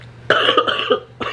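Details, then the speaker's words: Toddler sick with a cold and possibly pneumonia, with earlier high fever, current cough and runny nose: a single short cough burst followed by the start of a second. "so symptoms right now for her uh it's just cough still runny nose"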